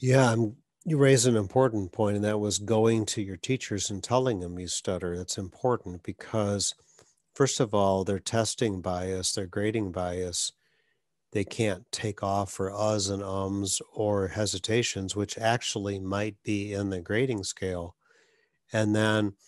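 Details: Adult male speaker; normal fluent speech.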